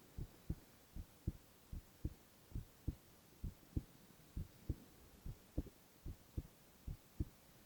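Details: Male ASMR recording of heart sounds only, no talking: steady, regular lub-dub heartbeat at about 75 beats a minute with faint background hiss.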